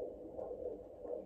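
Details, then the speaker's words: Handheld Doppler over an artery during a training tourniquet test (Combat Application Tourniquet): soft, continuous whooshing as arterial blood flow returns after the tourniquet is released. "goes whoosh arterial blood flow is back cool all right so can confirm combat application 200k actually works"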